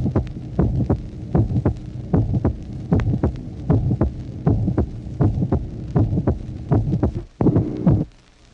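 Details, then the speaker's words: Heart sounds from a 1966 auscultation teaching record, tracing 9: regular rhythm near 80 a minute with a mid-systolic ejection murmur and an audible silence before the second heart sound; mid-systolic ejection murmur. "Tracé numéro 9. Souffle mésosystolique d'éjection. Il vous faut percevoir par l'oreille le silence entre la fin du souffle et le deuxième bruit."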